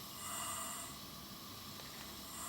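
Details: Steady hiss of continuous airflow with slight swells from a Trilogy Evo ventilator on CPAP 10 cmH2O, FiO2 54%, passive circuit with filter and exhalation port, delivering through a mask; CPAP airflow.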